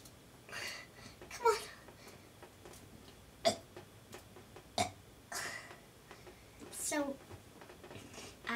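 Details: 6-year-old girl demonstrating how to burp: several short voiced burps interspersed with faint vocal noises in a small room: burping.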